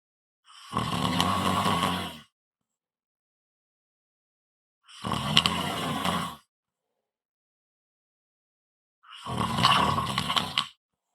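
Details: Heavy snoring: three loud, harsh, rattling snores about four seconds apart, roughly 14 a minute, with silence between.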